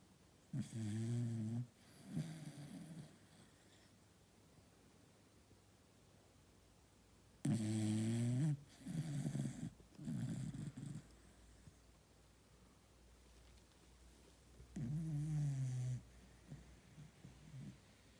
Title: Cute puppy cockapoo sleeping and snoring